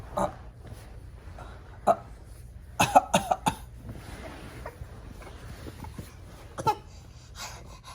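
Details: Adult with something in his throat gives several sharp coughs, including a quick run of four, with quiet room noise between.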